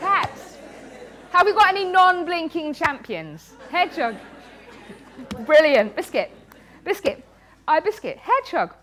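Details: Woman with Tourette syndrome, a neurological condition causing involuntary movements and noises; frequent vocal tics include "biscuit" (up to 16,000 times a day), "hedgehog" and "cat". Finding: vocal tics (Tourette syndrome).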